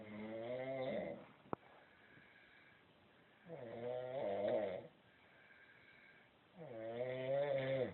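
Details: Sister asleep in bed snoring very loudly: rhythmic rattling snores on each in-breath, about 19 a minute, with quiet pauses between.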